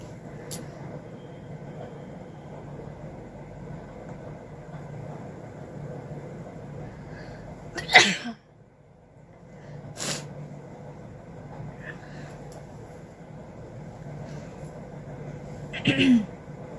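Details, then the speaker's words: Two sudden, forceful sneezes about eight seconds apart over a steady low hum, induced with a stick in the nose during a sneezing challenge, with a burning nose and watering eyes; sneeze. "তো ফ্রেন্ডস, আমার চোখ দিয়ে পুরো জল চলে আসছে হাঁচি দিতে দিতে।"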